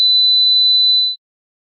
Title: Hearing Test